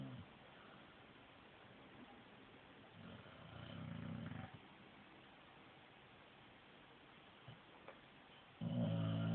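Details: Female dog snoring in her sleep, said to snore like a human: two low, rumbling snores a few seconds apart with quiet breathing between.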